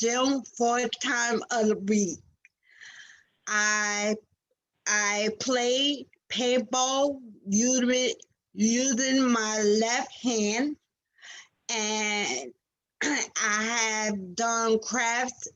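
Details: Aphasia after stroke in a 47-year-old woman, a nurse whose stroke in February 2019 struck suddenly at work and left her unable to speak; recorded in June 2021, about two years after onset.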